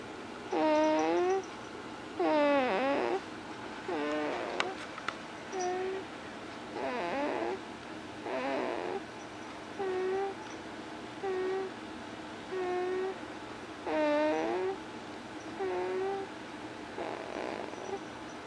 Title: snoring again